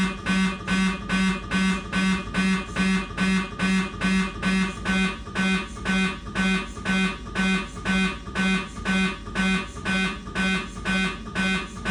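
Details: Siemens MAGNETOM Lumina 3 T MRI, abdomen protocol: loud regular buzzing pulses about two per second over a droning low tone, during a fat-suppressed T2 sequence.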